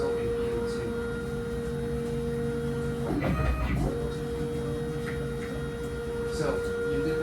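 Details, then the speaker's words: DEXA bone density scanner in a woman's first scan, described as much quieter than an MRI: steady low hum with a faint tone and brief mechanical whirring. "again unlike an MRI the noise the scanner gives off as you will hear in a second is very"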